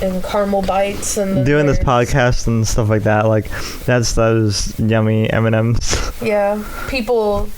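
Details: Speech impairment in an adult male with cerebral palsy affecting his right side, especially his right arm and leg, which he says also causes his speech impediment.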